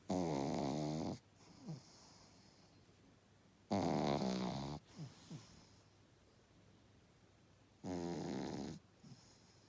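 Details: Loud, rattling snores from a sleeping pug puppy, about three breaths at roughly 17 a minute; snoring.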